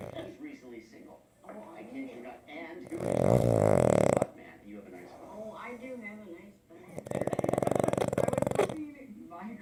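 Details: Pug dog snoring loudly while asleep in its owner's lap: two loud, long, rattling snores on the in-breath, with quieter breathing and soft vocal noises between.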